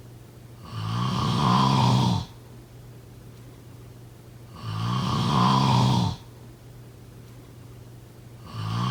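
Slow, steady rattling snores on each breath in, about 15 a minute, with quiet pauses between; ordinary snoring.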